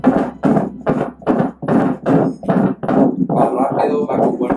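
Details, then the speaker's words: Fetal Doppler heartbeat during 28-week fetal echocardiography in the third trimester: fast, regular whooshing beats, heart rate 151 per minute, normal (120–160); normal fetal heartbeat. "at a good pace and it has a heart rate of 151, which is normal, between 120 and 160."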